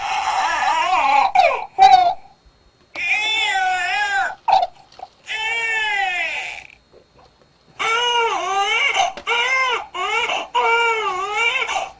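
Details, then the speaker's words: Sleepy, tired newborn crying in drawn-out, open-mouthed 'ah' wails, the mouth opened wide as if yawning; the pattern varies slightly between babies, but the sounds are all close to 'ah'. "졸린 아기 들어봤습니다 이불 크게 벌리면서 소리는 아 하고냅니다 들어보면 소리가 다 똑같지는 않은데 약간씩 보면 패턴은 다르지만 입모양도 그렇고 소리들이 다 아예 가까운 소리들이 났어요"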